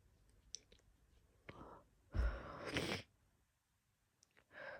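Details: Allergic sneezing fit in a woman triggered by a friend's dogs, sneezes sounding unusual compared with her normal ones: short sharp nasal bursts with quiet snorts between.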